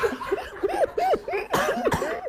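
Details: Two short, harsh cough bursts mixed with rapid, pitched laughing in a small room.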